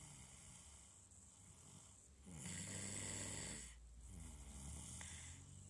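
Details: Tired-out girl asleep and snoring softly, with some fluttering breaths over steady background noise.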